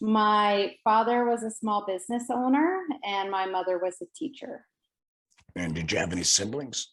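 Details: Adult woman; Typical speech.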